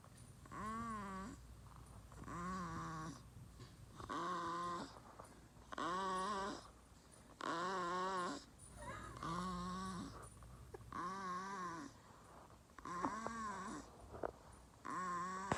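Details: 1-month-old baby girl sleeping, making regular humming snore-like noises, about 34 breaths a minute: infant snoring.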